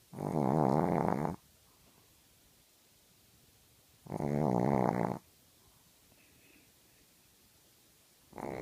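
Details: A sleeping dog snoring: loud, rattling snores on each in-breath, about 15 breaths a minute, with quiet pauses between.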